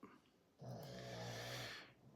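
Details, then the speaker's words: Dogs snoring in the background during a live stream. "wa for the dogs snoring before anyone asks it's the dogs if anybody says in the chat during this live who's snoring or what's that noise can somebody please answer them other than me"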